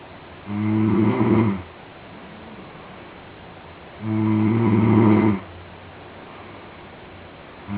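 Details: A friend secretly recorded while sleeping: loud, rattling snores on each inward breath with quiet pauses between, about 16 breaths a minute; snoring.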